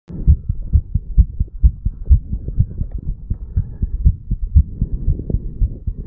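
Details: 34-year-old man after the farmer's walk exercise, recorded over the mitral (bicuspid) valve area; fast, strong, regular heartbeat at about 130 beats a minute; normal heart sounds after exercise.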